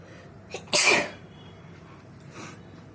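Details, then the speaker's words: A short intake followed by one loud, explosive sneeze with a faint trailing breath afterward; a deliberately provoked sneeze, with watery eyes and a tickly nose. "বন্ধুরা দেখতেই পাচ্ছ কত হ্যাচিও হয়ে গেল আজকে।"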